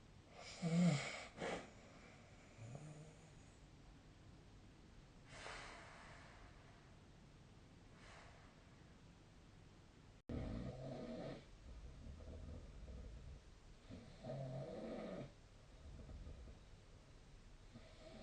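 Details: Quiet room with a few low, rough snoring breaths and snorts separated by long pauses, from a sleeper recorded with a snore-tracking app; snoring.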